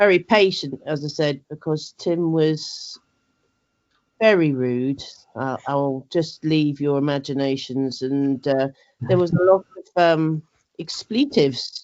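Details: Adult woman with aphasia following a stroke eight years ago, with word-finding difficulty, repetitions and word substitutions; aphasia.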